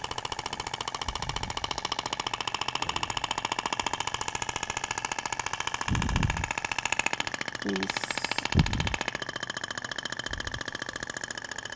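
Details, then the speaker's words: Thork (Ibramed) shock wave therapy applicator firing on a patient's abdomen in zigzag passes, tissue visibly vibrating: rapid steady clicking pulses about 214 a minute with voice over it. "é interessante que você consegue visualizar a propagação da onda você vê que até o tecido vibra né"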